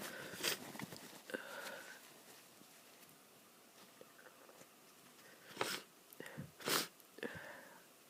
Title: Achoo, sneezing, i hope it's not a cold!